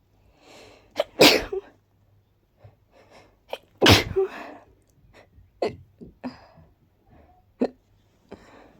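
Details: Woman with pollen allergy who also has hiccups: two loud, explosive sneezes with softer breaths and small catches between; sneezing.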